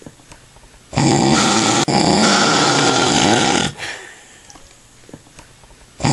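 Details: Snoring in an adult man after drinking lots of alcohol: a single long, loud, harsh rattling breath lasting almost three seconds, with quiet breathing before and after.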